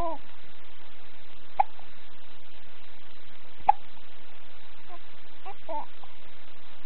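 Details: Four-week-old baby girl just after her feed, babbling: two brief sharp hiccups among soft babbling over steady hiss; normal infant hiccups.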